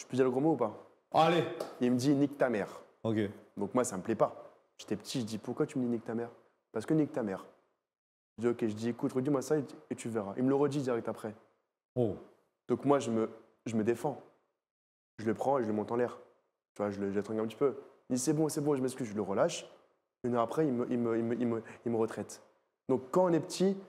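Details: Stuttering in a 24-year-old male magician who stuttered heavily as a child and still stutters somewhat less now; unscripted storytelling with part-word and word repetitions heard.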